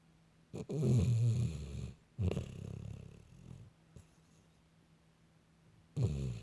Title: Snoring pup running in her dreamies